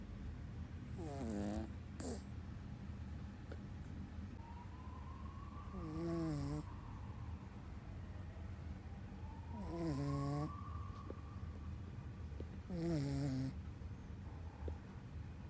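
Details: Sleeping dog snoring: three rough, buzzing snores about every three to four seconds, with soft whistles between them, over steady room hum.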